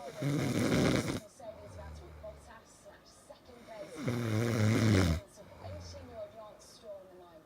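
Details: Husband's very loud snoring during sleep that keeps his spouse awake all night: two loud, rough, rumbling snores on breathing in, about 4 seconds apart, with quieter breathing between.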